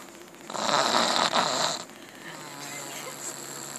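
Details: Person snoring in a library: one long, harsh, fluttering snore on inhalation followed by quieter breathing; ordinary snoring.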